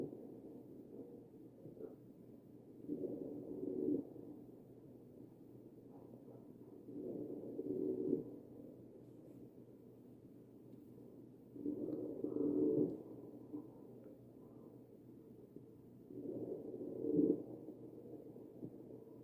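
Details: Wheezing over the chest of a real mechanically ventilated patient.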